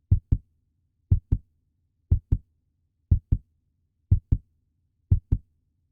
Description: Puppy heartbeat sound effect in best audio quality.